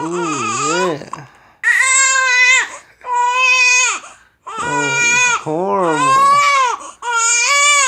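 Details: Infant girl with hiccups crying: loud, high, wailing cries in repeated long bursts with brief gasps between them; ordinary infant crying.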